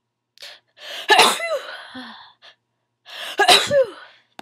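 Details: Person who sneezes often; two sneezes, each starting with a sharp breath in and ending in a loud, forceful burst of air; sneezing.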